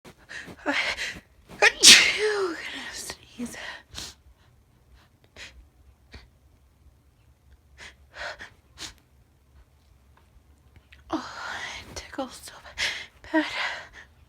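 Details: A sharp inhaled build-up followed by a loud explosive sneeze, with smaller sneezes and breathy sounds after; typical sneezing.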